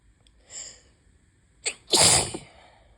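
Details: Sneezing on a bad allergy day with high pollen and an open window: a soft breath in, a sharp catch, then one loud explosive sneeze.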